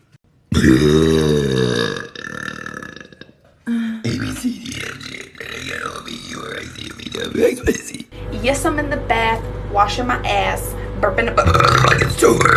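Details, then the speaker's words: Woman's thick relieving burps: a long, deep, rumbling belch followed by further burps amid talking, music in the background. "I wasn't done there's a little more in there but I'm so glad that didn't come out my ass"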